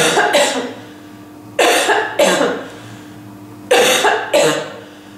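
Three pairs of forceful coughs, six coughs in all, slightly muffled, from an adult coughing while wearing a surgical mask.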